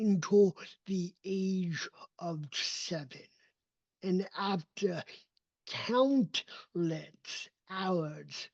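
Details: Adult male with cerebral palsy, a neurodevelopmental disability; his speech did not develop until age seven, after extensive speech therapy, and still needs ongoing training; real speech; dysarthria (cerebral palsy).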